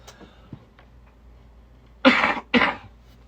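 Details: Two harsh coughs in quick succession after a few faint clicks, from a gamer during a recording; a short bout of coughing, a coughing fit.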